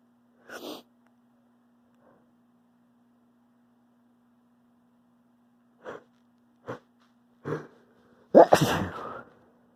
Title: I'm gonna sneeze